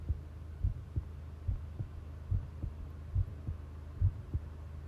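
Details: Long heartbeat recording: normal heart sounds, a steady, low thumping heartbeat at about 70 beats a minute, each beat a paired lub-dub over a low hum.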